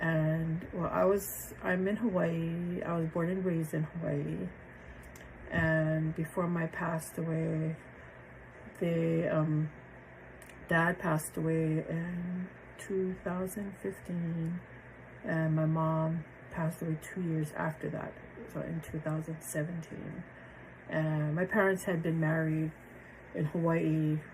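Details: Adult woman with aphasia after a stroke on January 8, 2023; initially impaired comprehension, reading, word-finding and number recall, since much improved; aphasia.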